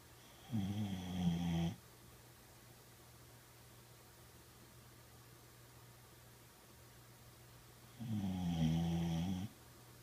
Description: Boxer dog is taking a peaceful afternoon nap.